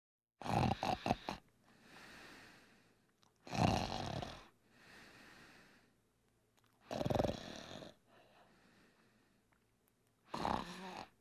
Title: SOUND FX - Snoring - HI-RES SOUND FX